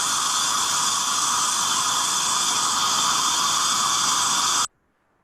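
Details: Acteon Neutron piezoelectric ultrasonic dental scaler at raised power setting 4.5 in the upper left quadrant, HVE near the tip, showing aerosol: steady high-pitched hissing whine, then abrupt stop.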